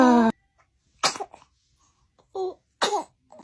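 Several small, sharp bursts of air with brief voiced catches between them, typical of an infant's sneezes.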